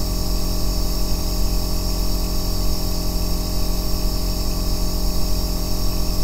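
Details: Aerosol nebulizer running continuously, recorded as an ASMR white-noise track for sleep and relaxation: a steady deep droning hum with a constant hiss.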